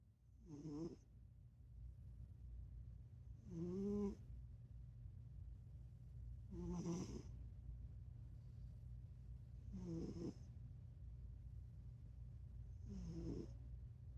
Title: #snoring cat cute funny#ねこ いびき カワイイ♥️